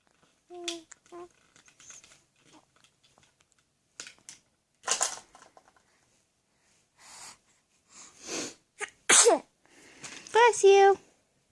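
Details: Young child sneezing, recorded 10/25/14: several small, sharp sneezes with brief vocal sounds between them in a quiet room.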